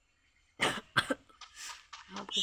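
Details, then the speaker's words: Cough from a person with a sore throat, hoarse voice and a cold (runny nose). "Saya batuk juga lupa bilang sama pilek"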